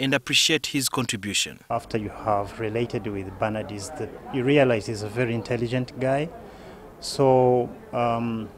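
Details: Adult man speaking; Normal fluent speech.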